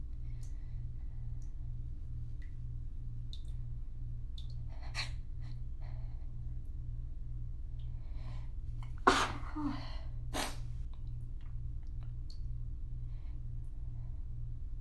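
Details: Sneeze fit at home after holding sneezes back for a while during an outing, near running bath water: two sharp, explosive sneezes close together over a steady low hum.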